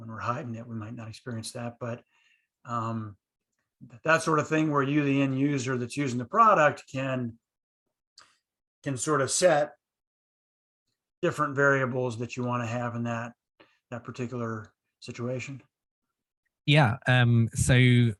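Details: Stuttering in an adult who has stuttered since childhood and found group speech therapy helpful.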